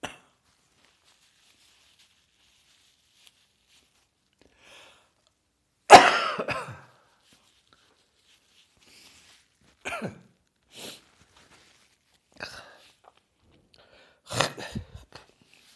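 Several separate loose coughs spaced across quiet pauses in a small room, consistent with a lingering cough after a heavy chest cold.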